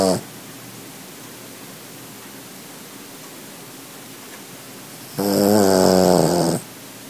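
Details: Snoring from Rupert, a small sleeping dog: one loud, rattling, buzzy snore after a long quiet pause, with a brief snore fragment at the start.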